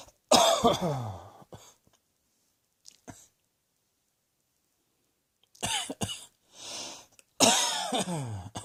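A few loud, harsh coughs in separate bursts with quiet gaps between them; repeated coughing.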